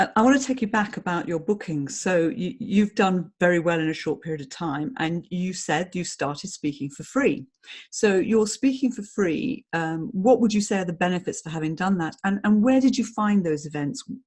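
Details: Adult speaker; ordinary speech.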